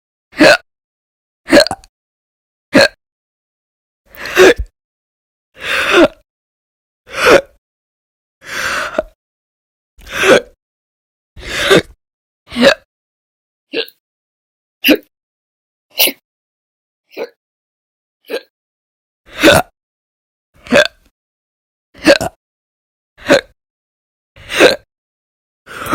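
Repeated short, sharp, abrupt gulping sounds with silence between them, consistent with hiccups.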